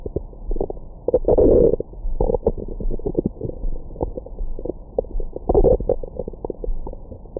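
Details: Irregular gurgles, pops and rumbling bursts of bowel sounds recorded with a Stemoscope stethoscope microphone on the abdomen after a large meal.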